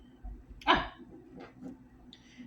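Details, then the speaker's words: A person with Tourette syndrome, filming themselves, has a vocal tic: a single abrupt, bark-like vocal burst in a quiet moment. They say they used to hold the tics in. "But um h I don't know how much my tourets came out when I was doing my other channel, but mostly because it probably didn't come out because I would hold it in. Ah, there it is."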